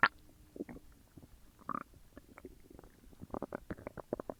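Irregular gurgles and bubbling squeaks from the belly; ordinary digestion sounds after a large meal.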